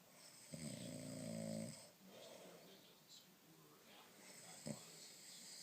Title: The snore'er and the fart